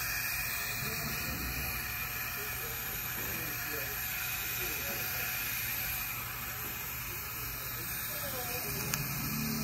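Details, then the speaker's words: Steady, loud hissing of a dental air-water syringe blowing air and rinsing a boy's teeth as his braces are fitted, with faint talk in the background. "I'm going to rinse a little bit better here"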